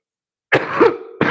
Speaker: Y'all gonna hear how congested my cough sounds. If you didn't already, just hear it.